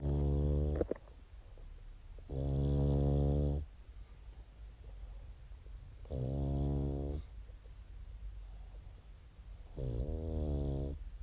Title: I wasn’t snoring? Funny Talking Pug